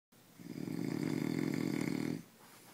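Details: One long, loud, rattling snore of about two seconds with a low buzzing vibration, in quiet room noise; snoring.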